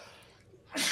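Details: Adult sneeze: a quiet moment broken by the abrupt, loud, hissing onset of a sneeze.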